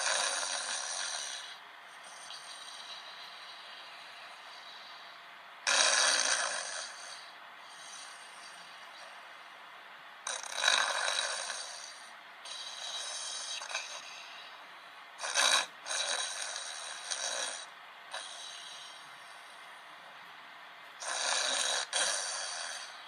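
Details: Man snoring at night: rough, rattling snores on each in-breath, recurring about 12 times a minute during sleep.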